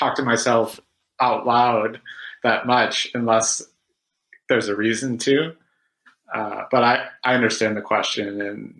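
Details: Stuttering in an adult man with secondary behaviours (crutches), including a recent flapping behaviour used to get started on sounds.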